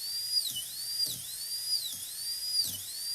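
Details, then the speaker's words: Dental drill during PFM crown preparation of a maxillary canine/premolar on a typodont: high-pitched whine dipping in pitch as the bur bites tooth with each pass. "Okay, so now in order to bring this through, I'll take my stick again. Make the chamfer join the shoulder smoothly, as long as they have the same taper, same angulation gingivally, and the same level, then it should come through smoothly."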